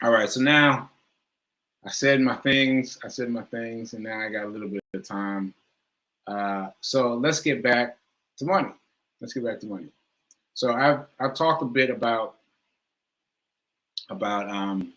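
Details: Stroke survivor with aphasia: cannot get the right words out, has trouble finding words and struggles to say "stroke"; speech shows repetitions and word-finding pauses. Aphasia after stroke.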